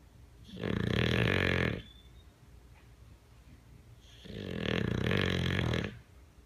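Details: Bulldog asleep on a person, snoring: two long, loud, rattling snores about three seconds apart, roughly 20 a minute, typical of a flat-faced dog.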